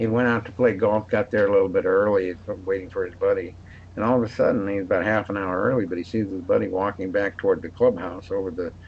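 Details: Adult male speaker; normal voice.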